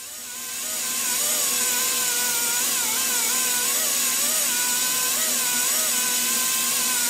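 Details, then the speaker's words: Low-speed dental handpiece, with the bur used dry, doing final refinement of a super veneer preparation after flowable composite build-up: a steady high-pitched whine with wavering pitch as the bur meets the tooth. "we're using this low-speed now to do our final refinement"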